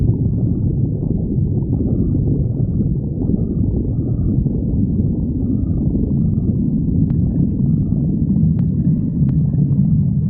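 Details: Melodie's stomach growling: continuous low gurgling and rumbling from the abdomen, ordinary borborygmi from gas and fluid moving through the gut.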